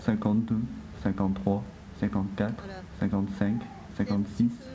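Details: Adolescent with cleft lip and palate and velopharyngeal decompensation, after speech therapy and possibly several operations, counting aloud; aerophonoscope showed mild nasal emission, heard as moderate, partly attributed to soft palate use; nasal air emission (velopharyngeal insufficiency).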